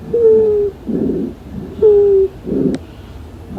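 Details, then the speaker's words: Wheezes in an educational demo: two breath cycles with a musical, high-pitched whistle from air passing through obstructed airways; bilateral suggests bronchial obstruction, unilateral a localized obstruction. "Las civilancias se caracterizan por un sonido musical y agudo parecidos a un silvido que suenan así ya que se deben al paso del aire por vías respiratorias ocluidas u obstruidas, lo cual nos puede indicar obstrucción bronquial en caso de escuch"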